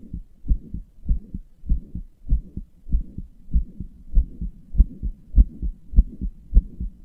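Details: Heart murmur: fast, fairly regular heartbeat near 100 per minute with a soft, low rushing sound between thumps; the person describes their own heart as weak and inefficient, murmuring and palpitating.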